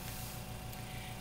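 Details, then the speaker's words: Steady low mechanical hum with the hissing rush of a suction machine switched on and tested before tracheostomy suctioning on a mannequin. "so I'm going to test the suction machine"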